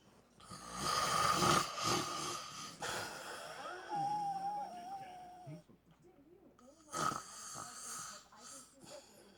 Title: Help my husband snores sre killing me.